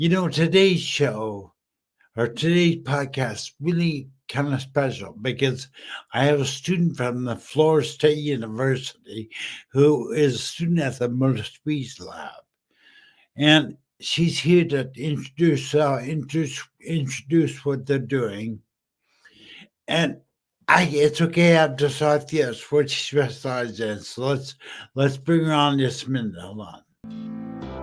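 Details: Adult male 14 years after a stroke from a brain aneurysm, initially totally mute, who still smashes words together and uses slowing down and over-articulating as strategies; post-stroke dysarthria.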